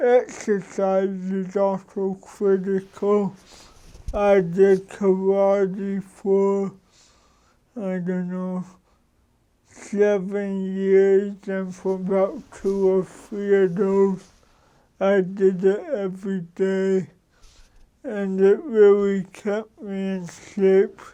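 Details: Adult man with cerebral palsy for 53 years, which he says came from damage to the brain and spinal cord; he says he talks differently from most people, adjusts so others understand, and does not hear the difference himself; dysarthria.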